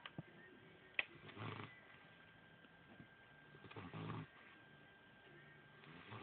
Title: Little snoring puppy